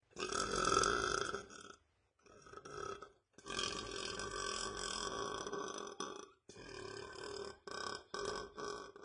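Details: Man burping: several long, loud, throaty belches in a row with brief pauses between; repeated burping.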